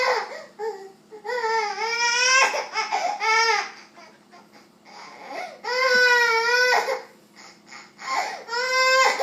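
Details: Young child crying while upset after being scolded: repeated drawn-out wailing cries broken by sobbing catches of breath.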